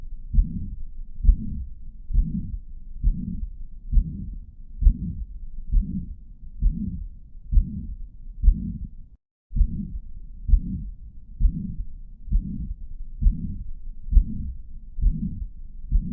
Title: Mitral Regurgitation Murmur - Summarised alongwith Audio - Heart Sounds